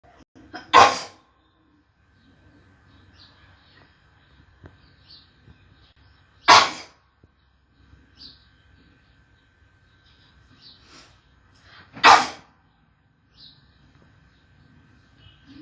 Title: sneezing 1 20 03 18